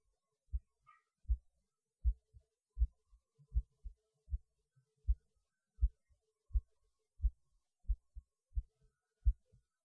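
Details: Normal heartbeat recorded by the person's own choice during a pause in eating lunch; they felt it beating harder, with the rate unchanged: steady, regular paired lub-dub sounds at about 80 beats a minute.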